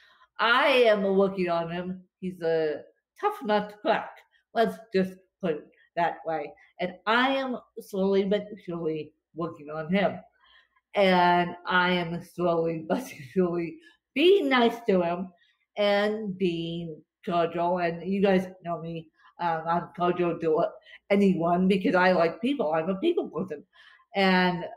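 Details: Adult woman with cerebral palsy affecting limbs and brain, speech worse after a bad spasm day; dysarthria (cerebral palsy)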